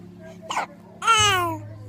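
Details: Hiccups in a child who says she is six years old: a sharp, catching hiccup followed by voiced babble, with a quiet room hum behind.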